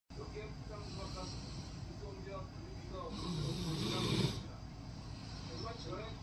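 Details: Rottweiler asleep with its head on an arm as a pillow, low rumbling snoring over a steady room hum: dog snoring.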